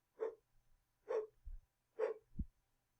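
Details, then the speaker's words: Vocal imitation of normal quiet blood flow through an open heart valve, made while teaching about stenosis and murmurs: soft breathy whooshes, barely audible, no murmur. "you can hardly hear that that would be a good heart sound"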